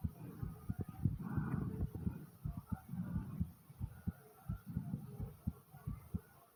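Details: Regular low heartbeat thumps, about 80 a minute, with slow deep breathing and stomach gurgling underneath; a normal heartbeat.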